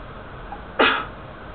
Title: Sneezing!